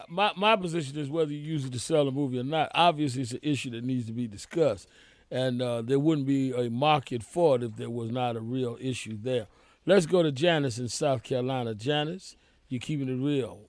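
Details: Adult male speaker; normal voice.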